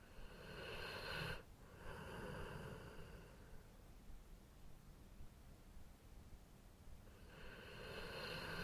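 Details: Person snoring: buzzing breath noises with a quiet pause of several seconds before the next snore.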